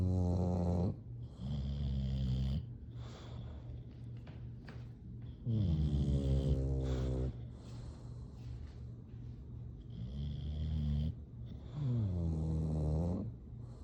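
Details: Sleeping bulldogs snoring: deep, rumbling snores repeating slowly, about ten a minute, with quieter breaths between; ordinary dog snoring.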